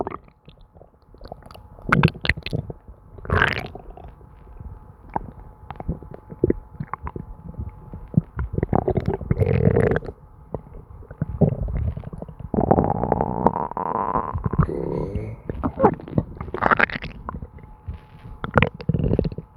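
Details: Constant stomach noises: frequent gurgling, bubbling and squelching, ordinary bowel sounds (borborygmi) from moving gas and fluid.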